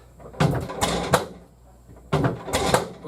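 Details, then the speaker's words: Prenatal chiropractic drop-table adjustment on a pregnant patient by a Webster Technique chiropractor: the raised table piece drops under arm pressure, giving two sets of loud, hollow knocking thuds that the patient does not feel. "now this piece popped up and it's going to make a loud noise but the patient's not going to feel that and my momentum of my arm pushing the table down is what causes the joint to um center into the right position"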